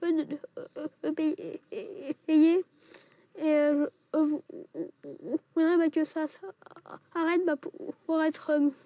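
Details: 11-year-old boy with longstanding, severely disabling stuttering; speech therapy and child psychiatry did not help; attending a 3-day breathing-based stuttering course; stuttering.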